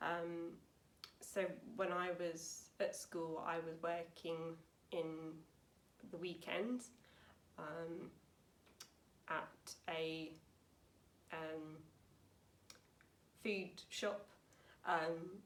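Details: Woman aged 28 with aphasia after a severe stroke in 2009 at age 18, recorded about nine years post-stroke; aphasia.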